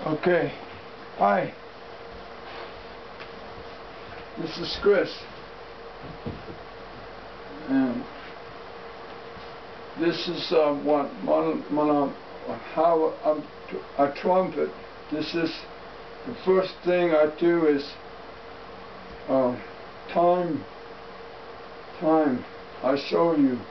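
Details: Male stroke survivor with aphasia after stroke, who does trumpet and vocal exercises; halting, fragmented speech; aphasia after stroke.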